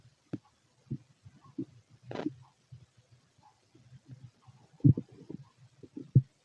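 Soft, irregular low gurgles and rumbles from an empty stomach, a normal finding of active bowel sounds.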